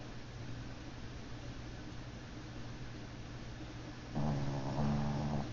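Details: Sleeping pet snoring: soft low rumbling breathing, then a louder, buzzy, vibrating snore near the end.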